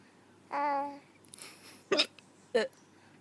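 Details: Hiccups in a mother and daughter hiccuping at the same time: a brief voiced squeak, then two sharp, abrupt hiccup sounds about half a second apart.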